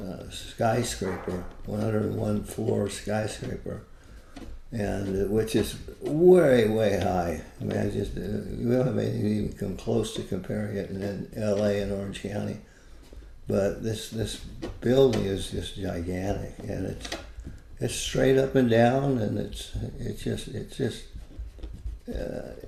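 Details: Adult man with Parkinson's disease for more than 20 years, with visible shakes and reported moments of "a stupor of thought"; Parkinsonian speech with word and phrase repetitions, possible hypokinetic dysarthria.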